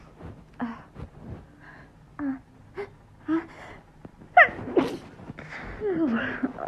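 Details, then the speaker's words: A woman about to go to sleep with a tickling nose tries to keep her sneezes quiet: gasping inhalations build up, then a sharp held-back sneeze and a softer second burst. "oh trying to keep my sneezes quiet because oh my goodness um oh my god trying to keep my sneezes quiet it's really hard for me to do"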